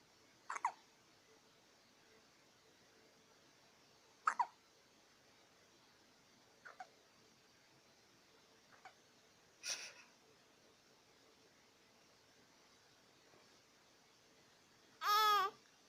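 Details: Hiccups: about five sharp, brief hiccups at irregular intervals in a quiet room, ending with a short voiced sound.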